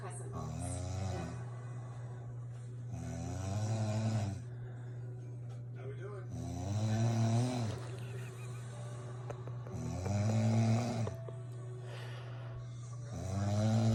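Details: An adult woman snoring in her sleep at 2 a.m., loud enough to wake her husband and the cat: loud, regular rumbling snores on each breath in, about 18 a minute, over a steady low electrical hum.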